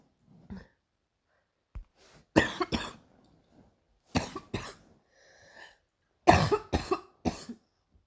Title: another morning cough